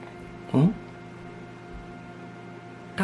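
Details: Newborn baby hiccups: short, abrupt voiced catches about two and a half seconds apart over a steady room hum, before warm water from a baby bottle stops them.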